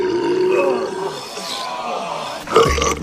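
A long, drawn-out voiced belch from a man, replayed from film or TV, with a brief sharper sound at the end.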